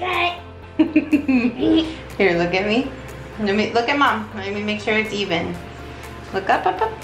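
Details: Adult woman speaking; typical adult speech.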